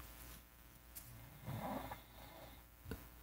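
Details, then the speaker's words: A quiet, low, rumbling snore from a 150-pound Great Dane sleeping on a couch in the background of a studio, over faint room noise. "Sorry if you can hear my dog snoring in the back."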